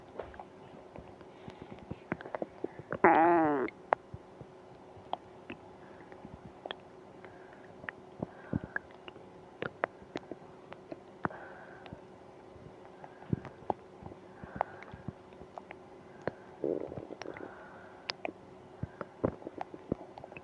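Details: Borborygmi with stomach pain after eating ice cream: gurgling, rumbling abdominal sounds with clicks and two louder gurgles.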